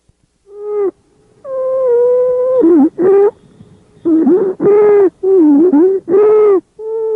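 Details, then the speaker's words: Stridor in a child with croup, from central airway obstruction of the larynx or trachea: a loud, high-pitched musical crowing of constant pitch with each breath, distinguished from a monophonic wheeze only by intensity. "stride or is a particularly loud musical sound of constant pitch listen to this example of stride are in a child with croup"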